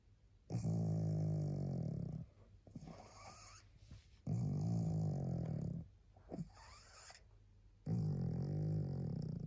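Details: Very tired pug, a small flat-faced dog, barely able to hold her head up: long, loud rattling snores on each breath, about three over ten seconds, with quieter snuffling between.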